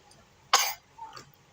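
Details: Young child with flu and cough, fussy and wanting to breastfeed constantly: a single short, harsh cough burst followed by a soft breath, a cough during flu-like illness.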